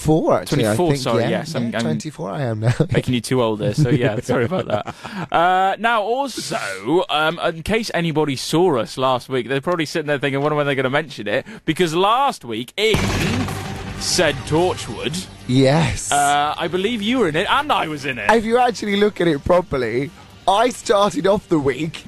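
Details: Adult male radio presenter; normal speech.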